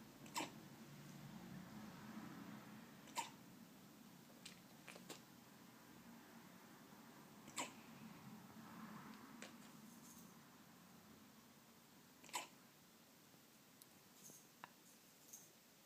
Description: My 13 week old Leonberger puppy has hiccups. He's adorable. He's forever getting hiccups :)